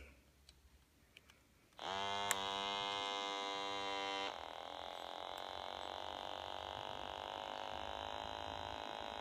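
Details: Steady electric pump whine starting abruptly, then a softer lower hum as an automatic wrist blood pressure monitor on the left wrist, held over the heart, inflates; this attempt's reading was flagged invalid and repeated.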